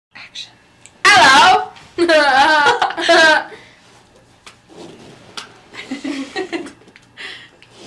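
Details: Young woman burping after drinking cola: two loud, long, gurgling voiced belches, then quieter sounds and faint talk in a small room.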